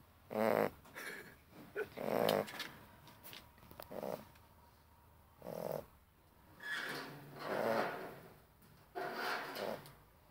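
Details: Rough rattling breath noises in uneven bursts every one to two seconds from a sleeping Cane Corso dog; snoring.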